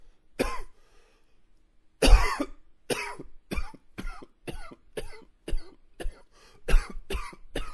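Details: Coughing.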